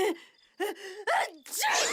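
Sharp voiced in-breaths, quick sudden gasps before what sounds like a held-back sneeze; acted cartoon voice.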